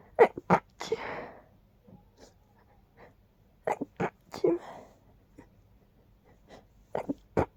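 Short catching breaths build up, then two explosive, noisy sneezes with trailing exhalations; quiet room.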